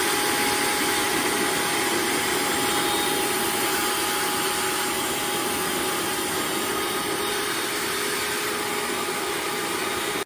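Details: Steady loud vacuum-motor roar with faint rhythmic airflow changes: prototype plumbing-pipe water U-tube emergency ventilator driven by a shop-vac in blowing mode, producing alternating pressures.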